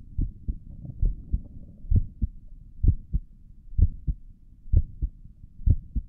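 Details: Heartbeat heard through a stethoscope on the chest for an ASMR recording: steady, muffled, low paired lub-dub at about 64 a minute with no extra sounds; stomach gurgles occur during the recording; normal heart sounds.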